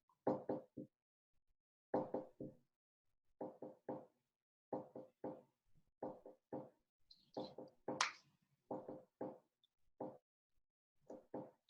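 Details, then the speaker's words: Classroom teaching audio of a split first heart sound at a slow rate of about 43/min, with a doubled S1 and a single S2; it is explained as S4 from a stiff ventricle merging with S1, played after normal beats. "¿Sí escuchan cómo el primer ruido tiene dos componentes y el segundo solo uno?"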